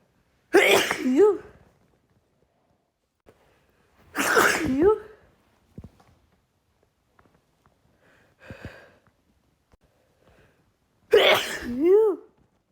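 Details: Female with pollen allergy in an uncontrollable sneezing fit: three loud voiced sneezes a few seconds apart, each ending with a rising-falling cry; allergic sneezing.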